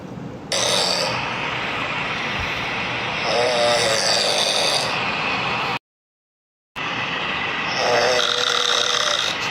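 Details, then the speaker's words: Person's loud, harsh, fluttering snoring rattle with brief tonal buzzing, heard as if two snores at once, cut by a short silent pause; snoring. "Suara ngoroknya ada 2 orang loh, keren loh ini."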